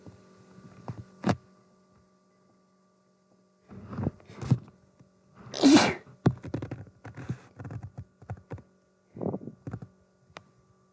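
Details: Person possibly coming down with an illness, still sneezing: one loud, sharp sneeze among several short huffs and thumps in a quiet room with a faint steady hum.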